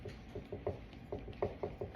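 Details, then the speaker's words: Soft, irregular gurgling pops and rumbles of stomach growling, picked up during a mechanics lecture. "That is my stomach growling. I don't know if you can hear that."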